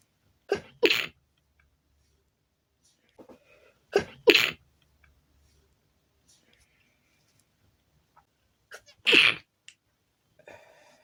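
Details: Sneezing induced by chhinkni (sneezing) powder, ending in a sneezing attack: three sharp sneezes, each preceded by a short catch of breath, plus a few faint stifled sneezes and sniffs in a quiet room.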